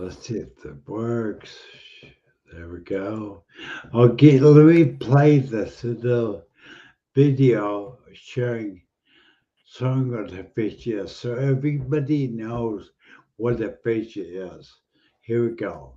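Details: Adult man speaking; normal speech.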